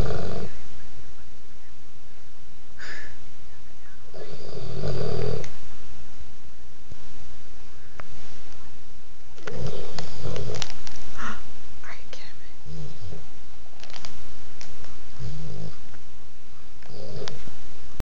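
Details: Snoring during sleep: loud, low, rough snores roughly every few seconds, about 12 a minute, with some room noise.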